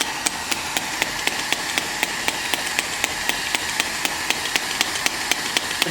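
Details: Sharp, regular clicking pulses, about 4 per second, over a steady hiss from a home shockwave therapy device applied with gel to the treatment area in a pain-relief demonstration; shockwave therapy device firing.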